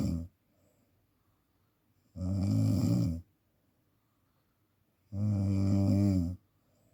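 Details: Person snoring during sleep, in a clip about therapy for sleep apnea: loud, deep, vibrating snores about every three seconds (around 20 a minute) with silence between them.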